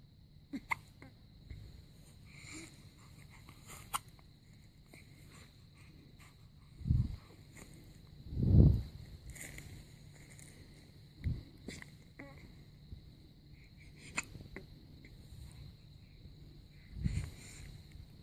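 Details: A day-7 newborn baby has four or five soft, brief, low hiccup bursts at uneven intervals over a quiet room hum; ordinary newborn hiccups.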